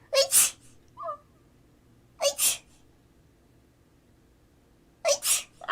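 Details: A live streamer sneezes three times, each a sharp, quick two-part burst, with a short sniff after the first; repeated sneezing.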